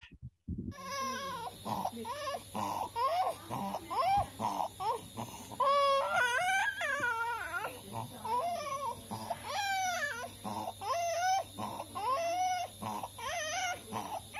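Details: Noisy breathing with crying in an acutely ill child, shown as an example of an abnormal breathing sound; possible upper airway obstruction.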